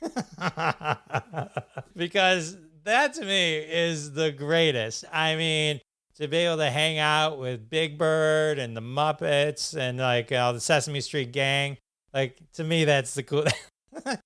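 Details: Adult male speaker; typical speech.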